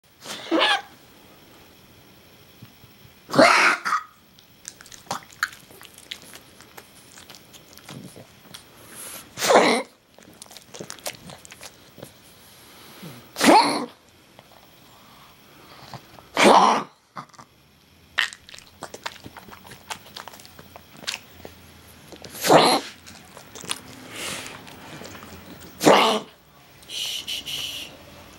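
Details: Pug having a prolonged coughing fit, owners suspect kennel cough: about seven harsh, forceful cough bursts in under half a minute.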